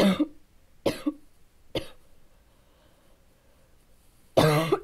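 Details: Child's coughing fit of four harsh, low, barking coughs with quiet pauses between; bad barking cough.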